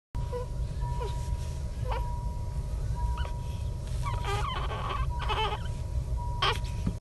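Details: An infant with laryngomalacia, chest, subcostal retractions and pectus excavatum: repeated high-pitched squeaky crowing noises with each breath in; inspiratory stridor.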